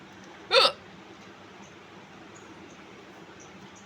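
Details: A single sharp, loud real hiccup from a woman with a brief voiced catch, then quiet room noise and the start of another at the end; hiccups.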